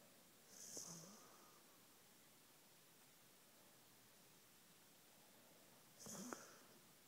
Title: Snoring bulldog